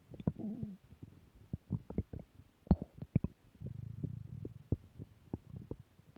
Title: Return of stomach growl 2